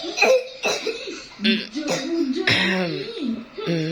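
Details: Child with a cough being rubbed with garlic and telon oil as a home remedy: several short coughing bursts with voiced, fussy sounds between them and faint background music.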